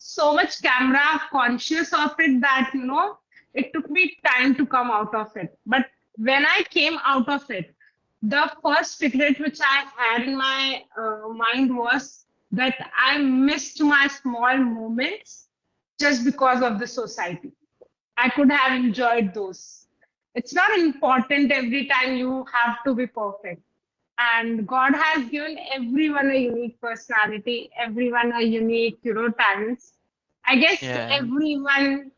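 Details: Adult woman speaking; typical speech.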